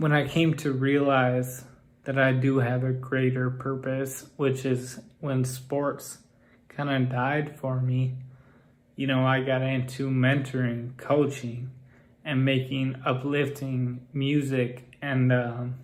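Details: Adult man with Friedreich's ataxia whose speech has become progressively more impaired, so listeners may assume he is drunk or on drugs and it now limits how fast he can rap; ataxic dysarthria.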